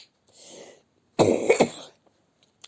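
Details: Adult woman ill at home with a viral illness, lying in bed at 8 a.m.: a breath in, then a short bout of about three harsh coughs.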